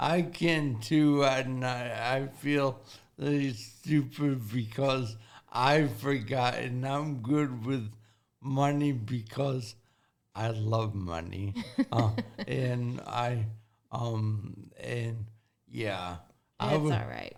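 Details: 40-year-old man with severe traumatic brain injury from a car accident at age 19, affecting thinking, processing time and speaking speed; had to relearn talking and has had speech therapy; acquired speech impairment after traumatic brain injury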